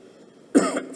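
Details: Kenyan President, during a speech on a state visit to DR Congo that persistent coughs interrupted, gives one abrupt, fairly deep cough after a quiet stretch, with a short voiced tail like throat clearing.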